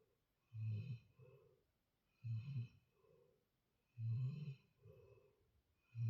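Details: Sleeping while snoring: low rumbling snores on each breath in, softer breaths out, about 33 breaths a minute.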